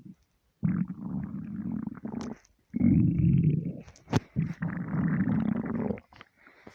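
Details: Stomach rumbling (borborygmi) from an empty stomach: long, low gurgling rumbles with a few squeaks.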